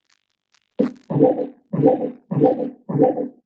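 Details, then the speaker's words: Intermittent auscultation in labour, Doppler fetal heartbeats at about 100 a minute, slower than expected; the baseline is 158 beats per minute, so this is a fetal heart rate deceleration that recovered over the first 20 seconds. "this tells you that your baseline is actually a hundred and fifty eight x per minute and what you heard at the beginning was therefore a deceleration that recovered over the first 20 seconds"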